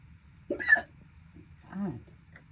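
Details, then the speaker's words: Persistent hiccups running over 12 minutes, described as worsening and painful. Two sharp voiced hiccups over a steady room hum. "damn. They're getting worse. God damn. They're getting painful. This is not noral. Holiday hiccups."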